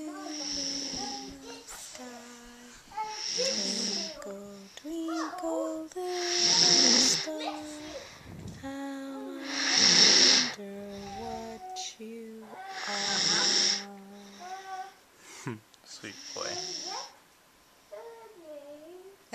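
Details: Repeated noisy, hissing snores with a whistling edge, heard over a child's voice and music; snoring, recorded February 2010.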